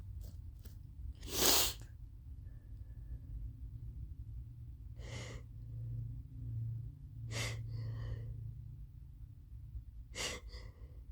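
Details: Repeated allergy sneezes after equine therapy at a ranch, with a suspected allergy to something there and new allergy medication just started: four forceful sneezes with audible breaths between.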